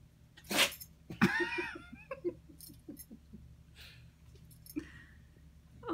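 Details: A corgi sneezing on its owner: one sharp sneeze burst, then a second snorting sneeze, followed by soft snuffling.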